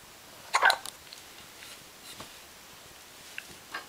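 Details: Infant with hiccups: a few short, sharp catches in a quiet room, one louder than the rest.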